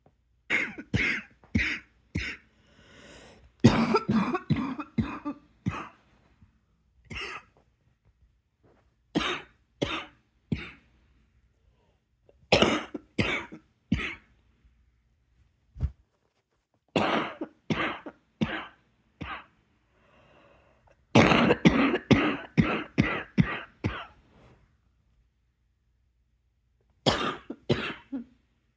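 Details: An adult's nighttime coughing attack: repeated clusters of harsh coughs, roughly thirty over half a minute with short breaks between.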